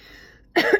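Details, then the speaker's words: One brief, abrupt throat-clearing burst over faint room hum: a simple vocal tic in a person with Tourette syndrome, who has always sniffed and cleared their throat as tics. "I always sniffed. I always cleared my throat. I guess those were like normal things that I always did."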